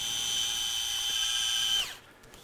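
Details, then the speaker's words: Steady high-pitched surgical drill whine winding down after about two seconds, drilling the femoral isometric point at an angle, posteromedial to anterolateral, over a pin during MPFL reconstruction. "so i made my incision and i like to drill this a bit of an angle posterior medial to anterior lateral so now that i've got my isometric point i drill"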